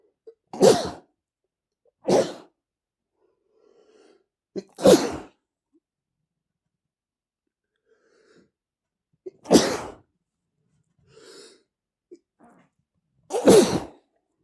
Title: male sneezing #41 (While I was preparing lunch, a pepper got into my nose + random sneezing)